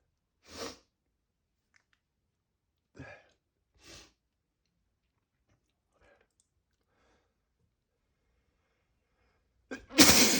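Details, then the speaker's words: Man building up to a sneeze, complaining of a strong tickle: a few soft breaths and a quiet catch, then a loud, wet, explosive sneeze bursts out at the end. "Oh god. Got to sneeze. God. Oh, it tickles. Oh, it tickles so much. It feels so bad. I got it. I got to let it out. Oh god. Oh, I got to sneeze. I'm going to sneeze. Got to sneeze."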